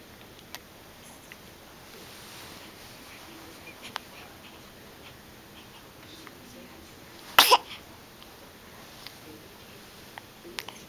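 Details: One-day-old baby looking around: a single small, explosive puff of a sneeze against quiet room noise with faint rustles.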